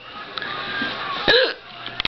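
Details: Single sharp hiccup with a brief voiced squeak over room noise; hiccups that began while the person was practicing eye makeup and dyeing their hair.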